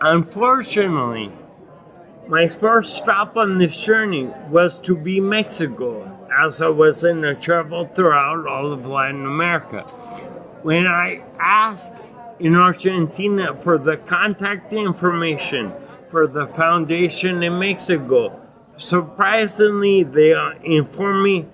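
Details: Adult man with acquired ataxia and myoclonus (Lance-Adams syndrome) after brain damage from Legionnaires' pneumonia and a 12-day induced coma; reports difficulty speaking and articulating and getting winded when speaking; ataxic dysarthria.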